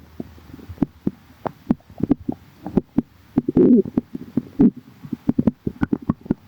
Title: calm tummy | stomach growling